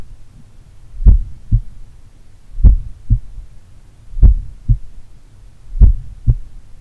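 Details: Adult doing regular daily cardio training, recorded in the morning at pulmonary, Erb's point or mitral site: slow, regular crisp lub-dub beats about 38 per minute, no extra sounds; normal heart sounds.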